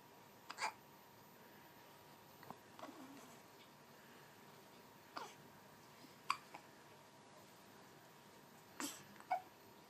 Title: Hiccups!